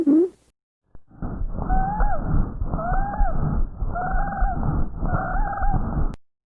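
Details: Adventitious lung sound (wheeze, sibilancias) in a comparison of abnormal breath sounds, following chest auscultation comparing both sides from the apices at the second intercostal space, midclavicular line.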